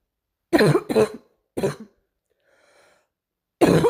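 Four short, loud coughs in quick bursts with a brief breath between; a plain cough.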